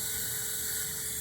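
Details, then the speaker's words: Powered bone drill in lateral ankle ligament repair (ATFL and CFL with internal brace): a steady high-pitched whine. It is drilling a tunnel into the talus at the ATFL insertion, aimed proximally and superiorly toward the talar dome. "So here is the uh insertion of the ATFL. So we're going to drill drill a tunnel right there."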